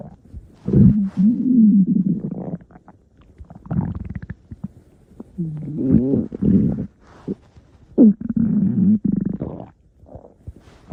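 Low, gurgling, rumbling groans rising and falling in several bursts; ordinary stomach growling from gas and fluid moving through the gut.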